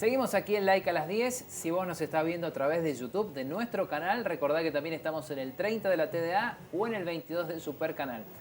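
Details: Adult female speaker; typical speech.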